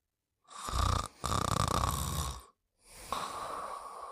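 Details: Sleeping snoring: harsh, rattling breathing noises in two or three long bursts with brief gaps.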